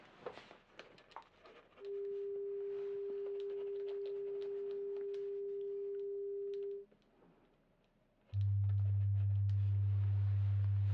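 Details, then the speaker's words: Simulated pure tone audiometry in an ASMR hearing-test role-play, tones through headphones to both ears while the listener raises a hand on the side heard: a steady mid-pitched pure tone for about five seconds, then a low steady tone. "so you just raise your hand on whichever side when you hear the tone okay are you ready here we go"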